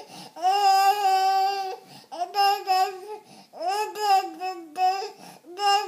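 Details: Baby boy crying with background music: repeated loud, tonal bursts with brief catches of breath; ordinary infant cry.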